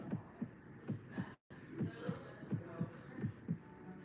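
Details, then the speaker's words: Regular lub-dub heartbeat near 80 a minute with a faint quiet whoosh between sounds, illustrating a soft, quiet heart murmur in dogs and cats; soft heart murmur. "These are known as acquired murmur heart murmur can be soft and quiet like"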